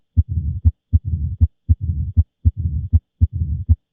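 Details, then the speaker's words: Mitral stenosis: Duroziez rhythm at about 79 per minute, with loud S1, opening snap and low diastolic rumble. "Vamos a escuchar el ritmo de duros no entonces aquí está s1 s2 y vamos a ver este retumbo o sopló de asó elal el famosísimo este rustat a d si parece rata o"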